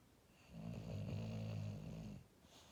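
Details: Sleeping, dreaming English Bulldog snoring: a single low, rumbling snore lasting under two seconds, in a quiet room.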